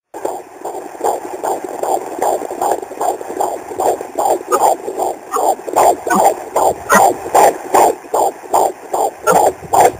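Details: Fetal heartbeat picked up by ultrasound: rapid, regular whooshing pulses at about 150 beats a minute.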